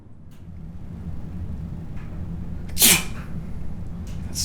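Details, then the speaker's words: Single short, sharp sneeze over a steady low rumble, in a comedy skit, followed by dialogue: "you can't smell sneezes, that's a reasonable argument"; sneezing. "you can't smell sneezes that's a reasonable argument I won't bring this up again"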